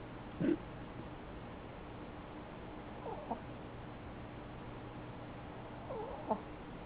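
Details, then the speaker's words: Macchiato, a Chihuahua, snoring loudly while sleeping behind the owner in a chair; snoring. "Oh. Oh. Oh. That's Macchiato snoring. Say night night, Macchiato."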